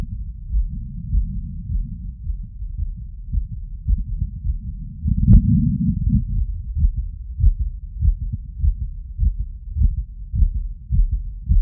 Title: Heartbeat auscultation stethoscope heart sounds after workload